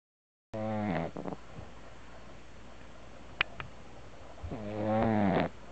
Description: puppy snoring